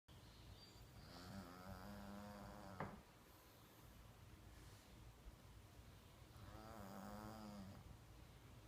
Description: pug sleeping and snoring